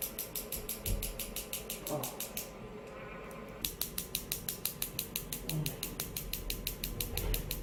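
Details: Focused extracorporeal shockwave therapy to the hamstring (biceps femoris): rapid, regular sharp clicking pulses with a short pause partway through.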